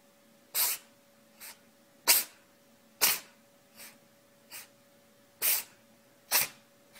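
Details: About eight short, sharp sneezes, some loud and some softer, in quick irregular succession from an animal named Charlie, sneezing on command.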